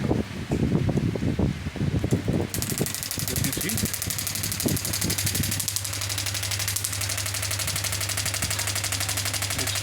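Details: Biotronix 10-bar pneumatic radial shockwave therapy machine, knee program, frequency set to 12: brief talk, then a rapid, steady rattling train of pneumatic shocks, about 12 per second, from the handpiece.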